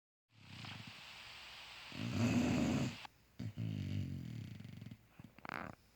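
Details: Sleeping bulldog snoring loudly: a rough, rattling snore on the in-breath followed by a softer fluttering out-breath; snoring.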